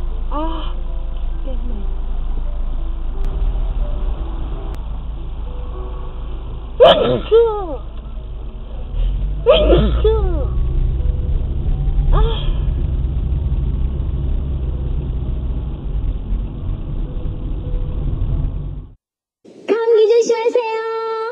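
Two loud voiced sneezes and a softer third over steady road rumble, with faint music and a closing chime.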